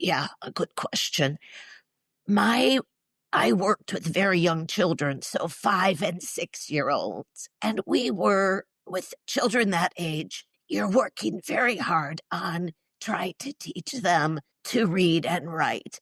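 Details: Spasmodic dysphonia, neurological (basal ganglia), with essential tremor, in a woman in her mid-60s treated with Botox injections to the vocal cords; weak voice, especially disrupting vowels.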